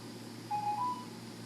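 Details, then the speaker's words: North American Dräger Narkomed 2B anesthesia machine checkout, ventilator disconnect test: brief soft two-tone electronic alarm over room hum, apnea, pressure and volume disconnect alarm sounding. "there goes our alarm here so that we know that that's good so we have two different alarms that's what we're looking for on this machine says apnea pressure and volume"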